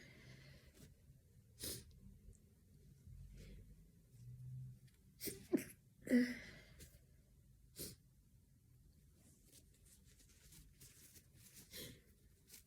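Several soft, sharp sneeze bursts with breaths and sniffs between them, in a quiet room, from a cold.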